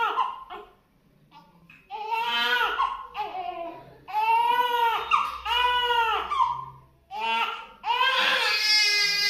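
Loud, rhythmic newborn crying in repeated bursts with brief breath pauses; a pain cry after an injection.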